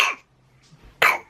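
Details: Two harsh coughs from a toddler boy with a cough and cold who has lost his voice, coughing and choking on snot overnight; later given antibiotics for a chest infection.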